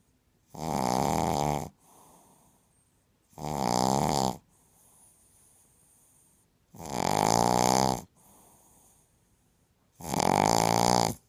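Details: Snoring in a female described as obviously having a breathing problem: loud, rasping snores on each breath in, about four in eleven seconds, with softer sighing breaths out between them.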